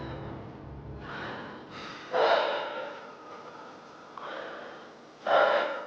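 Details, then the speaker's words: Woman with asthma from neglected rhinitis, after walking only a few steps from her room: heavy, gasping breaths over background music; breathlessness with heavy panting on slight exertion. "그저 방에서 몇 발짜고 걸어나왔을 뿐인데도 숨이 넘어갈 때 심하게 헐떡이는 그녀."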